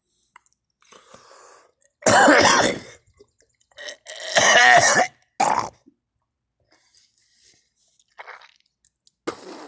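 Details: Person coughing and vomiting, stomach empty: several harsh, forceful coughs, one drawn out with a voiced gagging retch, separated by quiet pauses.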